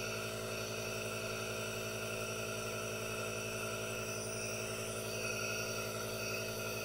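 Steady, even hiss and hum of a running aerosol nebulizer throughout; continuous device noise with no breaks.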